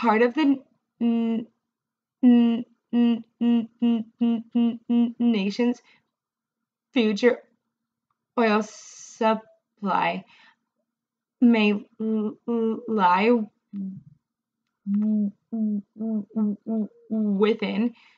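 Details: Adult woman, a speech-language pathologist who stutters, reading a passage aloud; she reports much more severe stuttering when reading than in conversation, and a lot of stuttering that night; stuttering.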